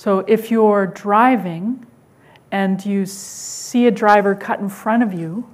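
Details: Adult woman speaking; normal speech.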